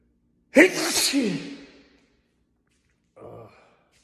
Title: male tiktok sneeze 13